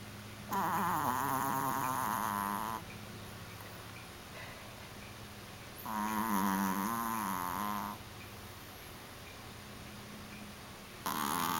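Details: Sleeping in a new bed, long, buzzing, vibrating snores on each in-breath, about twelve a minute, with quieter out-breaths between: loud snoring.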